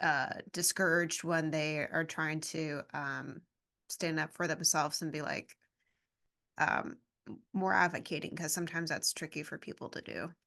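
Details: Adult woman speaking; ordinary speech.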